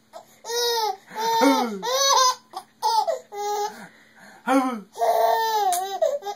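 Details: Baby girl playing with her father: short bursts of high-pitched crying and fussing, with rising and falling voiced cries between pauses, in a small room.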